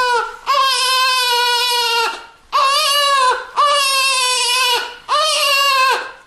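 Four long, high-pitched wailing cries with brief gasping pauses between them, steady in pitch and loud throughout; a newborn crying.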